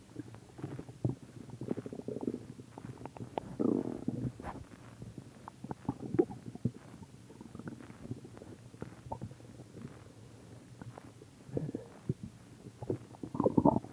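Repeated bubbling, gurgling rumbles with squeaky bursts, loudest near the end; ordinary stomach growling, a normal bowel sound.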